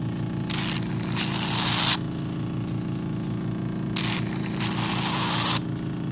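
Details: Low pump hum with two repeated hissing, slurping suction passes as a hydrodermabrasion handpiece draws fluid across facial skin during a deep-cleansing facial on a 2-in-1 hydrodermabrasion and radiofrequency machine.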